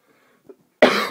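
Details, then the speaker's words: Adult man with a hoarse voice gives a single loud, harsh cough after faint quiet sounds. "Sorry for my voice again and my coughing."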